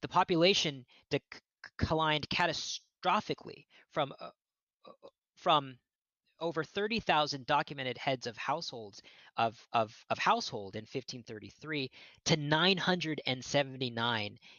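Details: Adult male archaeologist who says he stutters, giving a lecture; word repetitions in this stretch; stuttering.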